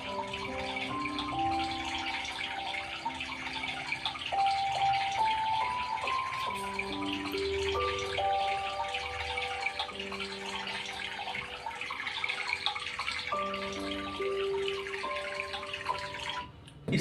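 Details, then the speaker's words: Steady rush of falling waterfall water under soft, slow music, played as sound therapy to mask tinnitus; a favourite calming sound lowers the perceived tinnitus volume so it is ignored. "Rafi की गाना भी हो सकते हैं, या हो सकता है जो टिनिटस के लिए जो स्पेशल साउंड है, जैसे हम पहाड़ों में पानी की झरने की आवाज़, पानी गिरते जा रहा है, जैसे कि ये आवाज़ सुनिए।"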